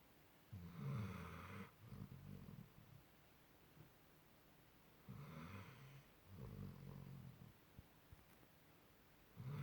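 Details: Sleeping dog taking over the bed, snoring like a human: loud, low rumbling snores in paired in-and-out bursts, about 13 breath cycles a minute.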